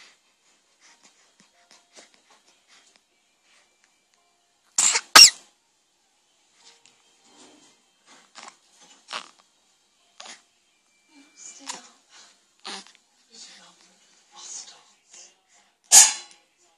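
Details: Small animal sneezing: two sharp sneezes and a final one, with faint snuffles and sniffs between them.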